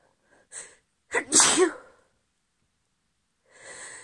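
A quick breath in, then one forceful, explosive sneeze, followed by a short breathy exhale. A single sneeze.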